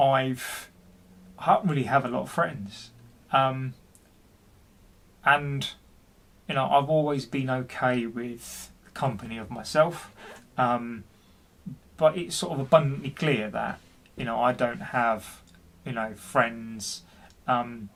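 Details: Adult man, 40, who stutters and has been experiencing depression, speaking with repetitions in a personal story; stuttering.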